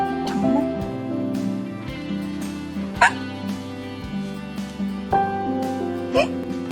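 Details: Acted hiccups by an actress in a Korean drama scene (Princess Hours): two or three short, sharp, voiced gulps over steady background music.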